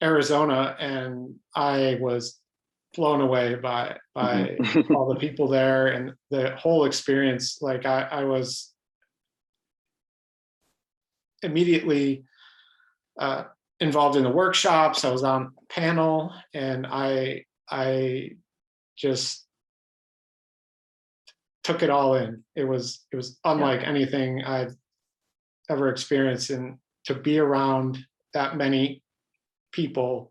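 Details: Adult man who stutters, speaking in an interview; his stuttering pattern is described as mostly blocks; stuttering.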